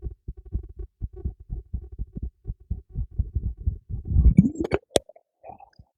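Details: Own heartbeat recorded with a microphone secured beneath a teacup: rapid, regular soft low thumps, then handling noise and clicks near the end; normal heartbeat.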